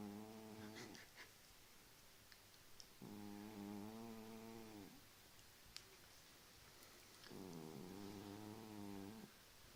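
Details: Cat snoring in sleep late at night: slow, buzzing, tonal snores about two seconds long, separated by quiet pauses, in a quiet room.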